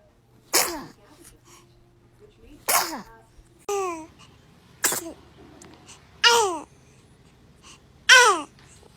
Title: Baby Sneezes || Blessings #babysneeze #blessyou #blessed #sneezeface ...